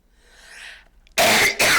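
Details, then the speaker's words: Two harsh, forceful coughs after a brief quiet breath from a speaker with asthma who coughs whenever she talks a lot; an asthma-triggered cough. "esse amigo aqui sabe que toda vez que eu começo a falar muito eu começo a tossir porque eu tenho asma né"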